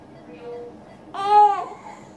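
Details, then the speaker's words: Young girl with croup, after racemic epinephrine and likely steroids: a single loud, harsh, high-pitched seal-like barking cough. "impressive whooping cough and this kind of this seal-like barking contents"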